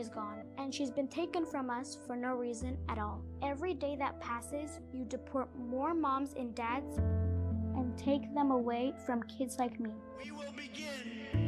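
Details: Child speaking; normal speech.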